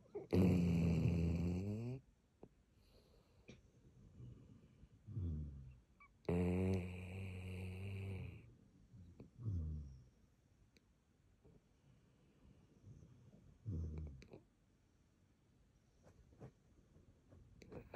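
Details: Sleeping basset hound snoring: loud rumbling snores with a buzzy, fluttering quality, separated by quieter breaths.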